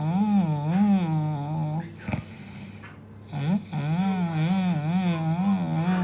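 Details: Unusual high-pitched snoring: long, wavering, whistling tonal sounds on breathing with a short pause in the middle.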